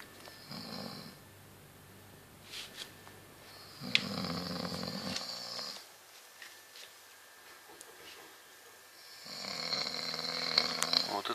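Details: Man who claimed he doesn't snore at night: loud rattling snores on the in-breath with quiet pauses, about three breaths in eleven seconds, in a quiet room.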